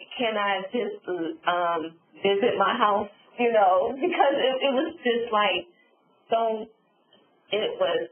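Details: Adult woman, real stroke survivor, with aphasia and apraxia after a subarachnoid hemorrhage and stroke; she reports sometimes being unable to think of the word; aphasia with apraxia of speech.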